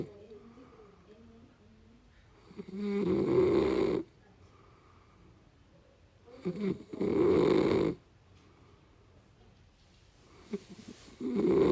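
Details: Loud, rough snores about every four seconds, around 15 a minute, with quiet breathing between, from a person in deep sleep; snoring.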